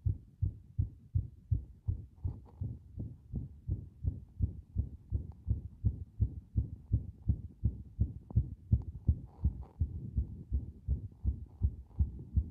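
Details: Fast heartbeat around 160 a minute, rhythm uneven with brief pauses, described as a strong arrhythmia where the heart momentarily stops; irregular heartbeat.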